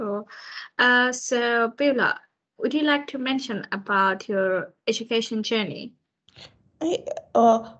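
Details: Adult woman; no speech disorder.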